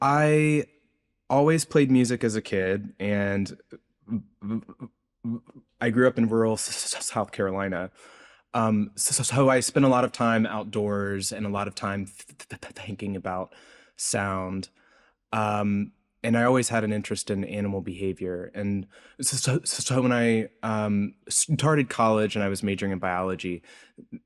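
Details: Adult researcher who reports a speech impediment audible throughout the interview; stuttering-type disfluency with sound and word repetitions.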